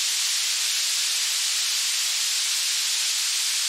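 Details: Generated narrow-band pink noise around 5000 Hz, a steady high-pitched hiss used to find tinnitus frequency by pitch matching.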